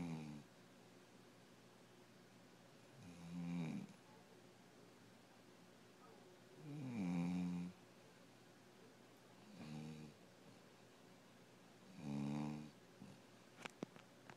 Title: Dog snoring up a storm